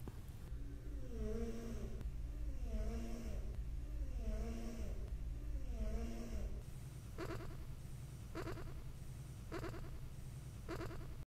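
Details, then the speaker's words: Little gray cat, Smokey, snoring while asleep: rhythmic, rattling breaths with some whistling, then short snorting puffs in a quiet room. "Hey, Smokey, you're snoring. Yes, you are. You were snoring."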